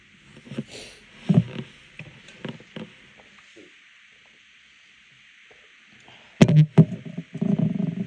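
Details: Coughing fit after choking on water: muffled, low-pitched cough bursts in two clusters separated by a quiet pause.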